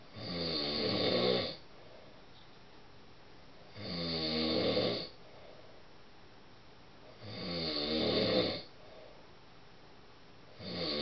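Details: Adult husband snoring during sleep, described as deafening: steady, rattling snores on each breath in, about 17 breaths a minute, with quiet breathing out between.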